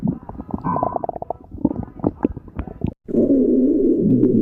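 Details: Low gurgling, bubbling rumbles followed by a longer, steady deep growl; ordinary stomach growling (borborygmi).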